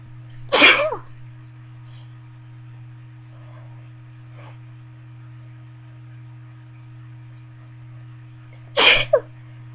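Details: Sneezes induced with a bobby pin, part of a run of about 30 sneezes with some stifles and nose blowing; this clip has two sharp, explosive sneezes about eight seconds apart over quiet room hum.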